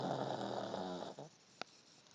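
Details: Loud snore from a small dog: a single long, rough snore on one breath, ending in a brief snort.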